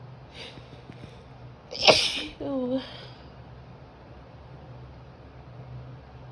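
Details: Adult female with grass allergy, allergies bad that day: a single loud, voiced sneeze with an audible intake and a trailing vocal sound; allergic sneezing.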